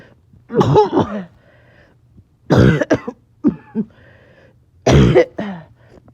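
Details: Person who says they are a little short of breath; three loud runs of harsh, repeated coughs, each followed by a quiet breath in: back-to-back coughing fits, clipped together.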